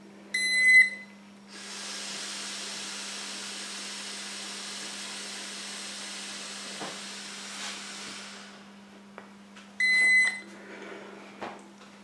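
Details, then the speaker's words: Breath ketone meter test: after a countdown the device beeps, then about eight seconds of steady blowing into the mouthpiece until a double beep ends the 10-second sampling; the tester had fasted over 18 hours and read 0.30 mmol/L. "gives you the PLO indication at which time you should start blowing and you should continue to blow until you get that second double beep at the end of the 10 second sampling time"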